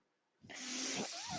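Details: Mechanical ventilator of the podcaster, heard while he talks: silence, then a sudden rising rush of airy hiss with faint tonal whistles that holds steady; inflow phase of a ventilator breath.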